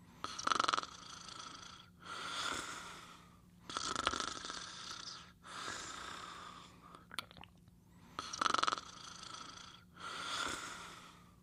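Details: Caesar sleeping and snoring: rhythmic snoring, about six breaths in eleven seconds, with rasping, whistly inhalations and softer exhalations; ordinary snoring during sleep.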